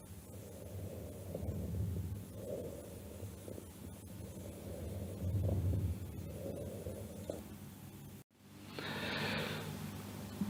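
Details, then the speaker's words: Bronchial breathing from the large airways: harsh, hollow breath sounds through both inspiration and expiration, with a brief gap and a knock at the end. "Vamos a ver ahora cómo se escucha la respiración brógica. sonido de origen eh de vía aérea gruesa, inspiratorio y expiratorio."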